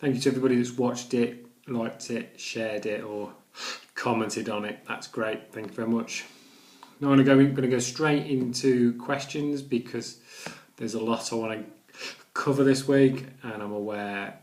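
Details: Adult man who stammers and reports blocks with no sound and repetitions; stuttering (stammering).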